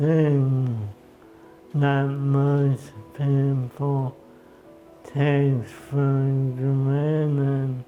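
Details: Man diagnosed with ALS 10 years earlier, at a stage where the disease has severely impacted his speech and upper body movement; first participant in a brain-computer interface study; dysarthria (ALS).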